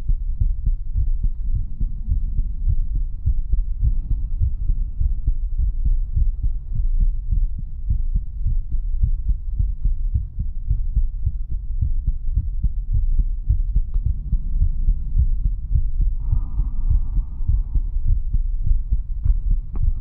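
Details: Steady, soft low thumps of a heartbeat recorded close to the chest for ASMR relaxation, an ordinary normal rhythm.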